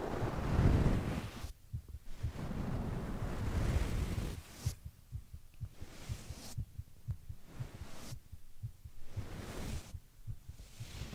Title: Boyfriend sleeping & heartbeat sounds - 25 minutes #relateable